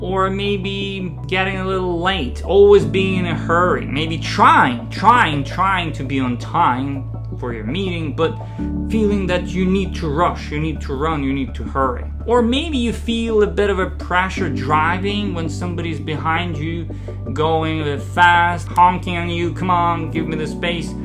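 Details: Adult man who identifies as a person who stutters; stuttering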